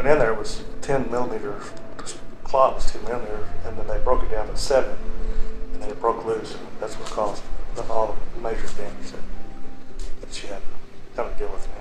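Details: Adult man speaking; typical speech.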